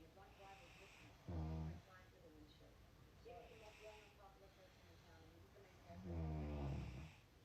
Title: 2 Hours of This? #husbandwife #snoring